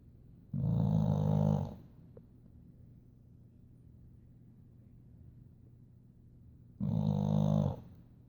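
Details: Boxer dog in a deep afternoon sleep: two loud, low, rumbling snores about six seconds apart with quiet breathing between, in a small room; snoring.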